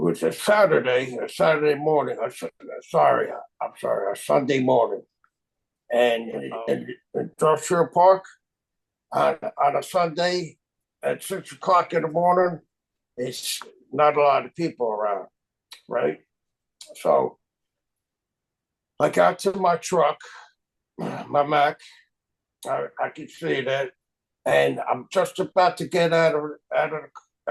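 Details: Aphasia caused by stroke, including a vasospasm stroke, in a woman 24 years post-stroke; real speech.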